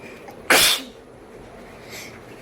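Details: A woman doing a nose-blowing sneezing challenge with paper, her eyes tearing: a single sharp, explosive sneeze with a quiet breath after it.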